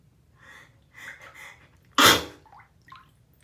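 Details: Adult sneezing at bath time, sneezes described as induced: a few quick catching breaths build to one loud, explosive sneeze, then quiet room sounds and faint drips.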